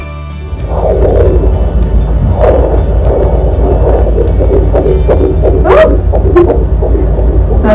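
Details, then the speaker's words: Rapid, whooshing fetal heartbeat heard early in pregnancy at a doctor's visit, no sonography done, with possible music behind; doctor said the baby is healthy and heartbeats are good. "we were just able to hear the baby's heartbeat and we had some questions that we asked the doctor so yeah yeah that was pretty much exciting um i would uh you know put the little clip of the heartbeat going on"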